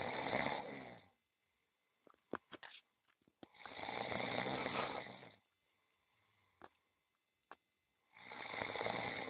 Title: Fantastic massage puts cat snoring